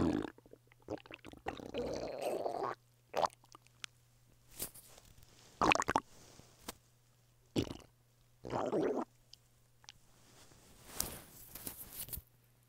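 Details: Male lying flat on his bed, hungry: irregular gurgles, squeaks and rumbles with quiet gaps, normal hunger stomach rumbling (borborygmi).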